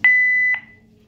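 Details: Philips DFM100 defibrillator during its operational check, with ECG cable connected, while charging at 150 J: two short electronic beeps, the first drawn out into a steady tone.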